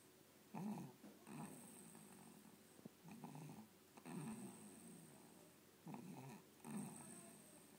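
Rhythmic rough snoring in a sleeping dog, with a snore roughly every 1.5 seconds, about 35 to 40 a minute.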